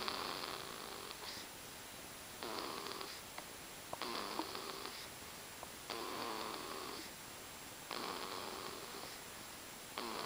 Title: Beckett Snoring